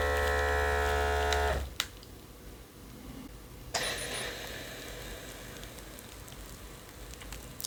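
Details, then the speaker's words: iHealth Bluetooth automatic blood pressure monitor on the user, started by button press, reading 132 systolic: loud motor hum that stops abruptly, then a click and softer hiss of air; cuff pump inflating then releasing. "we're going to go ahead and do that we're going to press the start button here"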